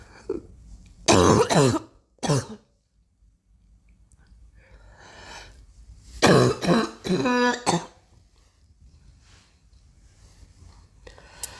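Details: Girl coughing: several harsh coughs and throat-clearing bursts in two clusters, separated by quiet breathing in a small room; cough.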